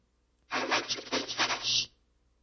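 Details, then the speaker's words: Cochlear implant simulation: the phrase "I like to play tennis" vocoded at 2 channels, heard as harsh, hissy noise bursts with speech rhythm but almost no clear words, much harder to understand than the 4-channel version. "Let me play for you the 2 channel version now that you know what it says I like to play tennis, see if you can hear it at 4 channels and 2 channels."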